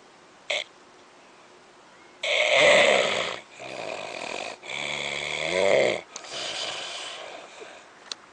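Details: Patient with snoring and sleep apnoea, not breathing for several seconds: loud, rough, gurgling snores after a quiet gap of about two seconds.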